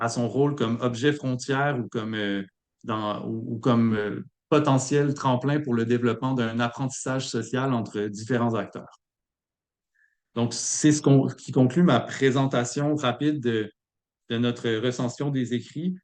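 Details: Adult man speaking French; normal voice.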